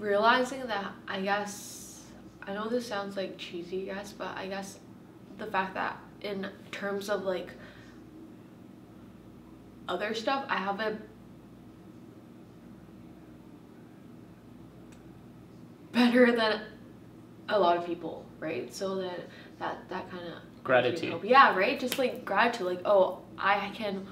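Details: Adult woman who stutters; stuttering.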